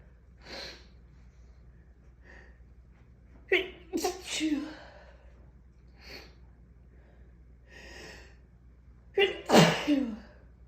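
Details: Morning allergy sneezing: a run of several strong, forceful sneezes with sharp in-breaths between them.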